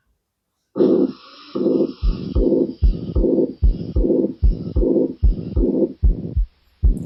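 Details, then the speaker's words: Pansystolic (holosystolic) murmur in a regular heartbeat near 75/min. A harsh murmur fills systole and envelops S1 and S2, so the two sounds are hard to tell apart. "So it seems like you're not getting the s1 s2. You you are not able to differentiate S1 and S2 only. It seems like it is enclosing upon the S1 and S2."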